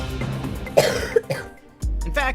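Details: Adult woman deliberately coughing on a baby, news report: two short, forced cough bursts over background music, a deliberate rather than illness cough.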